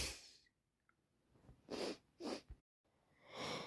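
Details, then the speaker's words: Three sharp sneezes in quick succession with sniffing breaths between, in a quiet room; non-stop sneezing from hay fever with an itchy, runny nose over the last few days, which the person believes is not a cold. "I don't think it's Frank's cold. I think it's hay fever. I can't stop."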